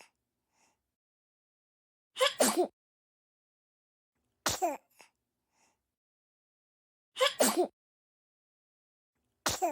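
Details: Four short explosive sneezes a few seconds apart, each preceded by a quick inward catch of breath, in a quiet room.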